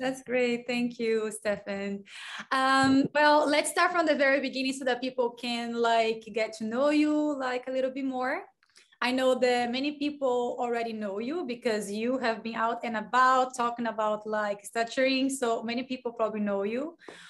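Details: Adult woman speaking; typical speech.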